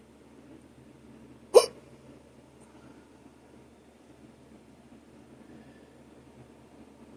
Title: Hiccups (audio only)